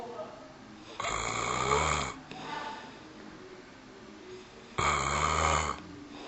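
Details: Two people snoring in a room: two loud, rough inhaled snores about four seconds apart, with quieter breathing between them.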